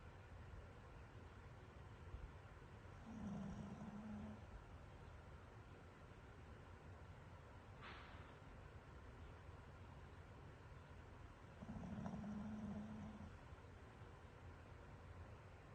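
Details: Two slow, low rumbling snores about eight seconds apart from a very tired sleeping Pomeranian dog, over steady background hiss; loud dog snoring.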